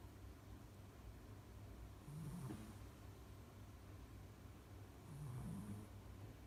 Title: Mylly snores shih tzu シーズー